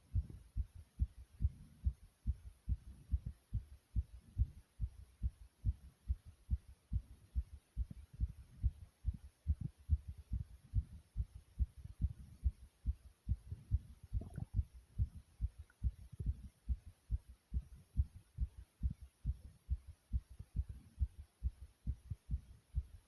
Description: My Fast Heartbeat Sound beating from inside my chest.